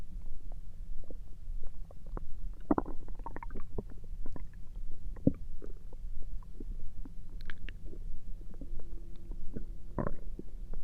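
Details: Scattered gurgles, squeaks and low rumbles from the belly over a steady background hiss, recorded through the night; ordinary stomach rumbling (borborygmi).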